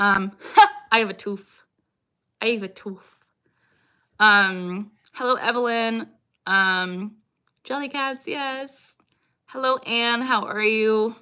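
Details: Woman with Tourette syndrome with recurring vocal tics such as "I got rice" and "I have a tooth"; stress is her biggest trigger and her tics lessen with her dog: vocal tics (Tourette syndrome).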